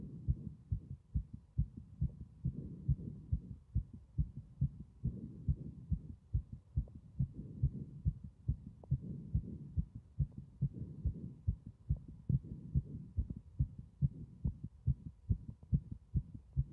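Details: Heartbeat with strong sounds throughout: regular thumps at roughly 70 beats a minute in clear double sounds, loud throughout.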